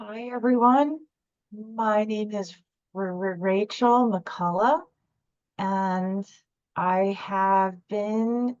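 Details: Adult woman speaking; stuttering.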